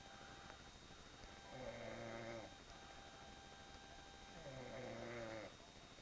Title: MY SNORING SISTER!